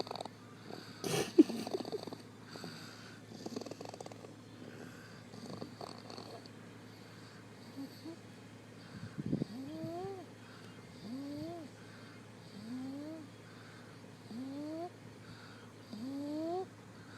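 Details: Cat snoring lightly in sleep: soft, rising whistling snores about every two seconds over faint room noise, described as sounding like a little piggy; snoring.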